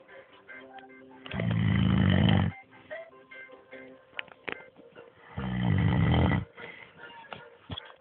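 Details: Man snoring in sleep: loud, deep rattling snores on two inhalations about four seconds apart, with quieter breathing and faint background sounds between.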